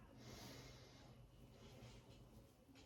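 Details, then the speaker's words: Stethoscope lung auscultation during a deep breath on command: soft rushing airflow, fainter afterward over low rumble, no crackles or wheeze. All lung fields clear, no abnormalities; normal breath sounds. "All right, all lung fields are clear and no crackles heard on auscultation, no abnormalities to note."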